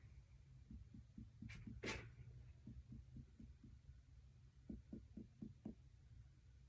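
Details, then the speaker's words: Soft, quick tapping thuds from finger percussion over the abdomen during a nursing abdominal assessment demonstration in a quiet room. The examiner expects tympany over air-filled bowel and dullness over organs. "next I'm I am going to percuss your stomach just listen to what it sounds"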